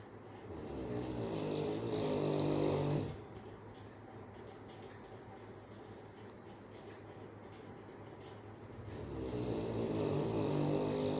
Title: Snoring Rottweiler